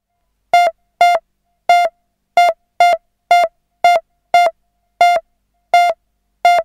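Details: Synthesised hospital pulse monitor sound effect: about 11 monitor beeps at uneven intervals in under seven seconds, a simulated irregular, erratic pulse signal.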